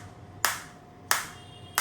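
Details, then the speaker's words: Biotronix focused (not radial) shockwave therapy device in R7 mode at intensity 3, demonstrating shot delivery: sharp snapping pulses about two-thirds of a second apart over a faint hum, i.e. the focused applicator firing. "so I will start the same and you will if I put the same you can see this is green now and I am getting the shot so I'm getting the"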